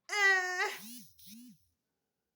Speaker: lifting of legs and the jacking here and there that means they have gas in their tummy